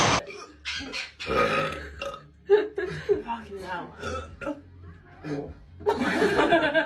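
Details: Several loud burps during a Sprite challenge (drinking Sprite fast), one long and drawn out at the end, between bits of talk and laughter; the drinker says it hurts.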